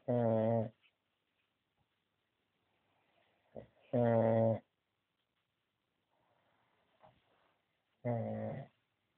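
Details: Snoring, three loud buzzy snores about four seconds apart with quiet pauses between, roughly 15 breaths a minute; snoring.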